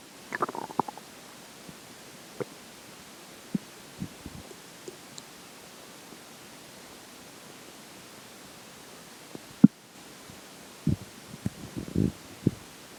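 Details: Soft, irregular gurgles and brief rumbles over a quiet hiss, clustered at the start and end, after a McDonald's lunch and pizza breakfast: ordinary digestive bowel sounds.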